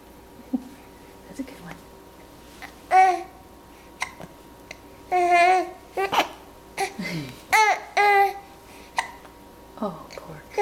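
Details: Infant with hiccups (part 2): short, abrupt hiccup sounds every few seconds, mixed with infant babbling and coos.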